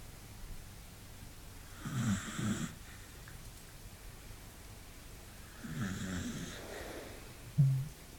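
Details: Beagle dog asleep: loud, rattling snores with each breath, two full cycles and a snort, about 15 breaths a minute, louder and longer than usual for him; snoring.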